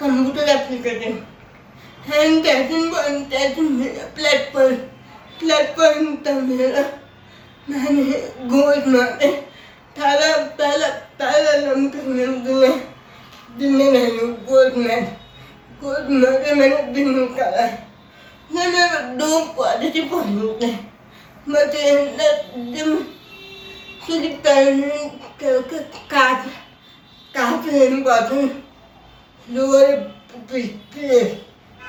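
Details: Adult woman with cerebral palsy whose speech is hard to understand; dysarthria.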